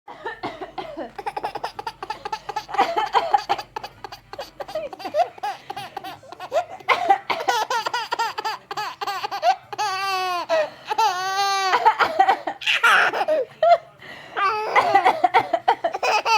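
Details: An adult mother's short coughs, answered by her infant son's bursts of giggling and belly laughter; cough.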